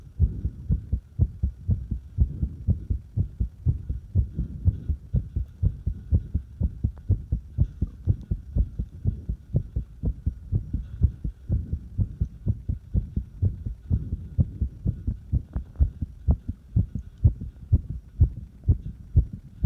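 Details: Irregular fast heartbeat: rapid low heart thumps at about 125 a minute, with beats varying somewhat in spacing and strength.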